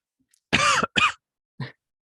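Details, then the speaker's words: Cough from an adult podcast host at the end of a recorded show. "cough right there I got it I gotta stop this recording"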